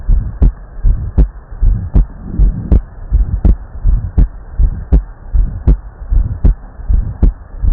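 Regular paired heart sounds through a stethoscope at about 79 beats a minute, with a faint steady hum underneath.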